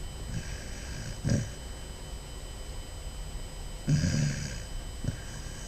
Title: Basset Hound puppy snoring